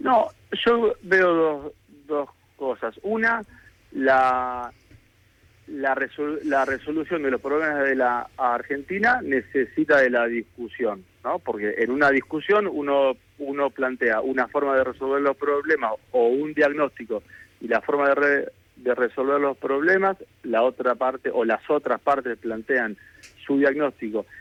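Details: Adult man with stuttering since childhood that persists, improved over the past two years, and for which he consults professionals, speaking in a live Spanish radio interview; stuttering.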